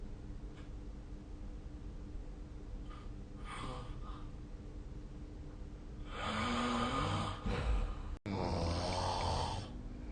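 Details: Snoring during sleep, recorded with the SnoreLab snoring app: quiet breathing, then a loud rough snore on inhaling followed by a noisy exhale.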